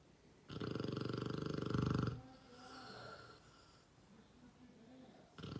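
One loud, low, fluttering snore on the in-breath, then a softer out-breath and the start of the next snore.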